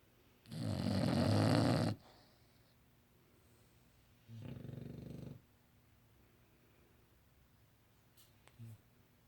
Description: English bulldog snoring